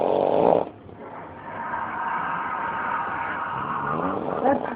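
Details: An adult man snoring.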